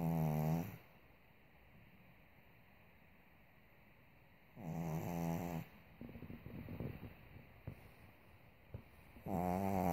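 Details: Pug, a flat-faced dog, already operated on soft palate and nostril opening, snoring only at times: loud rattling snores about 13 a minute with quieter breathing between, brachycephalic airway snoring.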